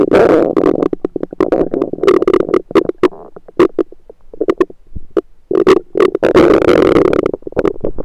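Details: Self-recorded with a USB stethoscope on the belly: frequent gurgling and rumbling bursts with brief quiet gaps, ordinary active bowel sounds.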